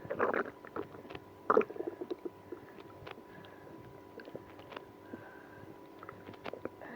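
Quiet irregular gurgles and low rumbling squeaks against steady room hum; active bowel sounds, stomach growling.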